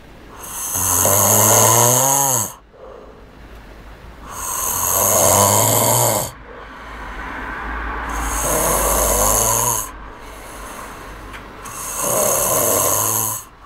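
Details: Loud, long rattling snores from an overweight boy with quieter breaths out between them, about 16 breaths per minute: snoring.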